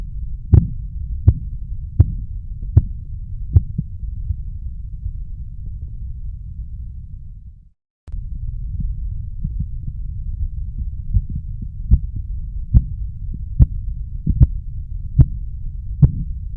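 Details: Sharp, regular taps at about 80 a minute over a low hum: Korotkoff sounds, the sound you should hear while taking blood pressure, best heard with earphones.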